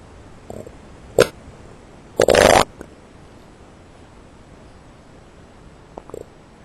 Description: ok, some people have told me to show my stomach all the way through the vis, in this one i have, and luckily enough, my stomach was loud enough!...